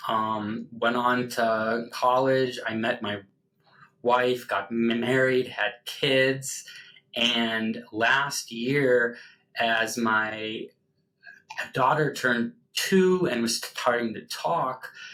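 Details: Adult male pharmacist who learned at about age six that he stuttered, with no formal speech therapy until his mid-30s; stuttering.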